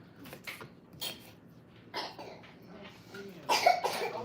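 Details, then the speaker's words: A child (son) gives several short, harsh cough bursts with throat clearing in a quiet kitchen, after family members fell ill with coughs one after another: cough. "As you can hear, my son is coughing."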